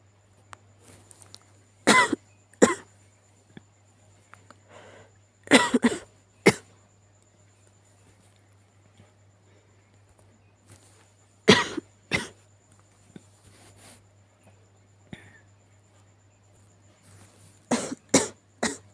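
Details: Sick cat coughing: several clusters of short, sharp, harsh coughs, some in quick doubles and triples, in a quiet room with a faint hum.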